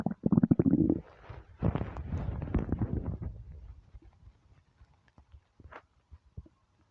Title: starving stomach rumbles